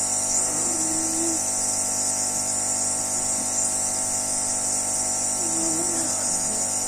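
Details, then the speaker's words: Nebulizer compressor running with a steady high-pitched hiss and hum during a daily Budesonide treatment given by face mask to a girl who has often needed extra oxygen; the treatment is meant to open her airway, with soft voices in the background. "Then I have to fill it with a neb treatment. She uses Budesonide."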